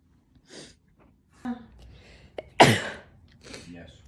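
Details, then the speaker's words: A single sneeze: a brief catching inhale, then one sharp, explosive burst of air, followed by quiet talk. "oh my gosh that was wow wet one thank you"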